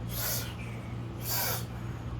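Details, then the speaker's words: Vocal imitation of a crescendo-decrescendo heart murmur in a cardiac-cycle lesson, where murmurs come from turbulent blood flow: two breathy, blowing bursts that swell then fade, over a steady low hum. "Y entonces se va a escuchar un sonido y eso se conocemos como soplo y puede ser aspirativo sí escucharon que alguno como que se escucha Y otro como Si estuvieran soplando y luego pueden ser incendo decreciendo o sea hacia arriba y hacia abajo o"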